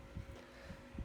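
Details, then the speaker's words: Normal heart sounds in a cardiac auscultation demonstration: low, dull paired thumps of the first and second heart sounds, systole between S1 and S2, over a faint steady hum. "el corazón produce dos sonidos rítmicos el primer sonido luz y el segundo sonido se genera entre el primer y segundo sonido se llama sístole cardíaca"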